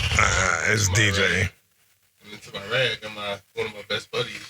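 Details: Adult male speaker; normal speech.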